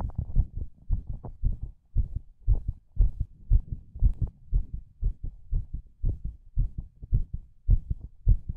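Regular paired low heartbeat thumps at roughly 110 beats a minute, somewhat fast.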